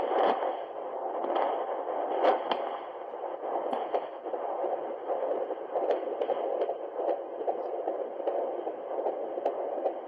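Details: Fetal heartbeat during pregnancy on an inexpensive home handheld Doppler: steady whooshing with faint rhythmic pulsing.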